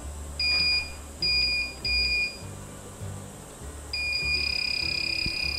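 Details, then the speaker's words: Cold plasma/electrosurgical device activation tone during pulsed mode: short bursts of steady high beeping, then a continuous tone while the tip is active, over low room hum. "And you can hear this noise. It's the beeping."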